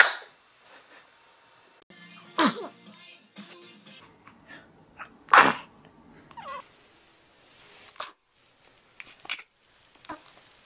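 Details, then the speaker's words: Infant sneezing: two sharp, high baby sneezes a few seconds apart among small vocal sounds and soft background noise, with a parent saying "bless you"; it is windy outside. "bless you bless you baby sneeze fart there it is bless you bless you"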